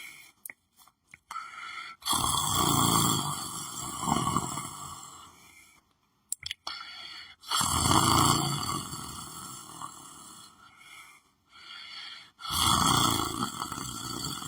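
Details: Person asleep lying on the floor of their room: loud, rough snores on each breath, about 12 a minute, separated by quiet gaps and faint room clicks; snoring.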